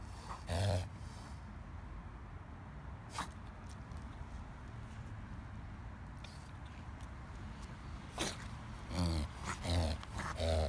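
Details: Dog's reverse sneezing episode: scattered snorting, honking breaths in bursts.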